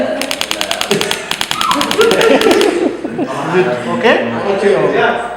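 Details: Radial shock wave therapy unit set to low intensity, starting from 500 shocks, pulses in bursts, applied to a painful area in a physiotherapy practical: rapid train of sharp tapping clicks, with talk and room noise; device firing.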